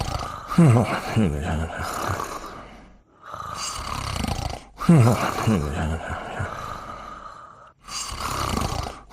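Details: Two sleeping dogs snoring together: loud, rough, rumbling breaths in slow cycles, about 14 a minute; snoring.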